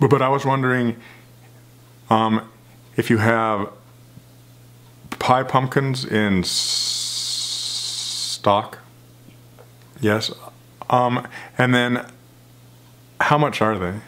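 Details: Man who stutters making a real phone call to a grocery store as part of a stuttering project; stuttering.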